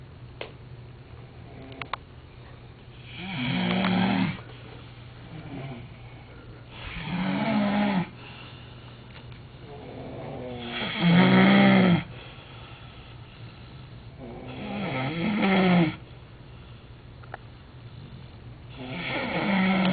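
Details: Real snoring by a sleeping person in Miami: loud rattling snores on each breath in, about 15 a minute, with quiet pauses between.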